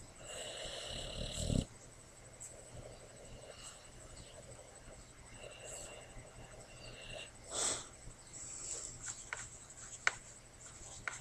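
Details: Tasha, a female boxer rescue dog in foster care, heartworm positive with an injured knee, snoring while asleep and dreaming on her foster sister's lap.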